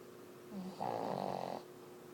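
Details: Boston Lucy, a small dog, asleep: a single rough, rattling snore on the in-breath over a steady low room hum.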